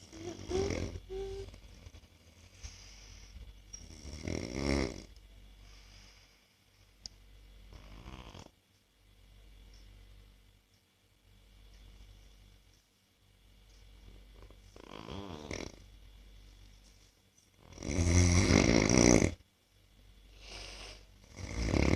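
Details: Irregular snoring bursts, some loud and harsh, recurring every few seconds in a quiet room from a self-described habitual snorer trying anti-snoring devices during sleep: snoring.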